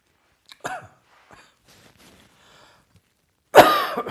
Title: Coughing and Nose Blowing after Heavy Chest Cold